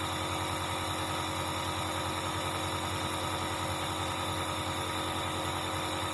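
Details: Dr Trust compressor nebulizer running, reviewed after about a week of use; steady loud motor hum with rapid buzzing vibration and airy hiss.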